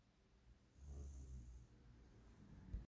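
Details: Sleeping dog: a soft, low, rumbling breath that fades out at the end; gentle snoring.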